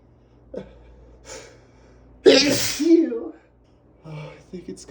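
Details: Male allergy sneezing: quick gasping inhalations build to one loud, forceful sneeze with a voiced trailing cry, amid repeated snorting and sneezing bouts.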